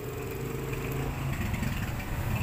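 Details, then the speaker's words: Compressor nebulizer under repair, motor wired directly, bypassing the faulty switch: steady low motor hum with rattling vibration, showing the motor works. "niyo umiikot itong motor niya umiikot oh ibig sabihin bu itong motor"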